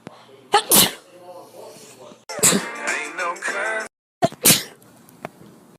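Two sharp sneezes with brief voiced sounds between them, music in the background; ordinary sneezing.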